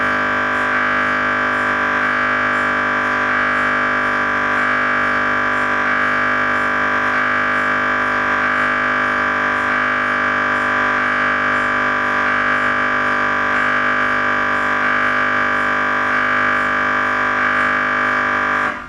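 A loud, steady, droning buzz with a faint rhythmic pulsing, about 47 a minute, typical of a scanner running a sequence.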